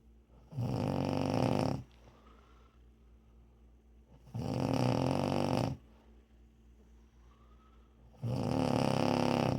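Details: Woman snoring loudly, likened to a revving chainsaw or motor.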